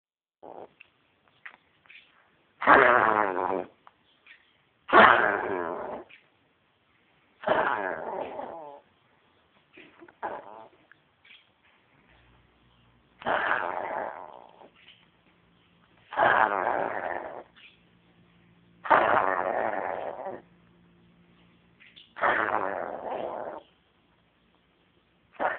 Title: new coughing 11-01-10